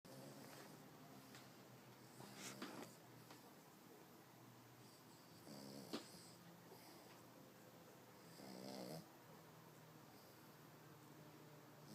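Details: Sleeping dog snoring with soft, rattling, human-like snores recurring every few seconds over steady room hiss.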